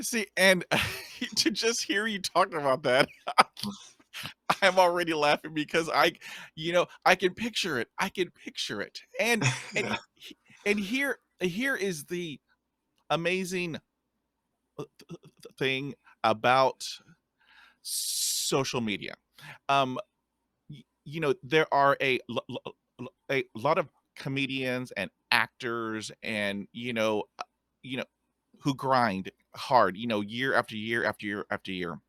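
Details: Stuttering in a podcast host who describes himself as a person who stutters and has a speech impediment.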